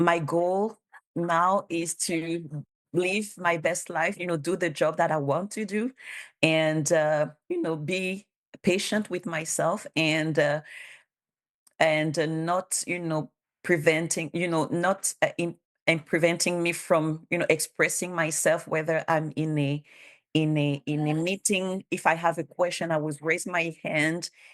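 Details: Stuttering in a bilingual adult woman who stutters, a public servant who self-declared her stutter as a disability, supported by documentation from a speech therapist, for a language test.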